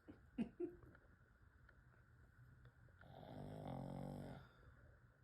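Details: Snoring from a pug dog.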